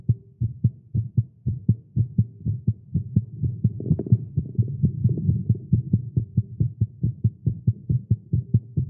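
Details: Male heartbeat after exercise and caffeine: rapid, steady beats at roughly 130 to 140 a minute; fast heartbeat, tagged as irregular.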